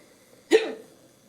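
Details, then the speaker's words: Adult in the middle of the night with long-standing hiccups, reportedly for years; a single sharp, abrupt voiced hiccup gulp breaks an otherwise quiet room. "I have hiccups I've had hiccups in like I don't know for years"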